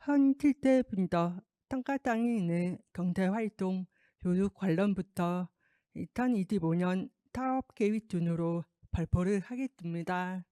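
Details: Deaf adult woman speaking Korean who received a cochlear implant in the left ear and later had speech-language therapy; Deaf speech (cochlear implant user).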